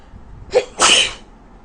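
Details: Woman with a very bad cold, in a sneezing fit: a single sneeze, brief sharp intake then a loud explosive burst under a second.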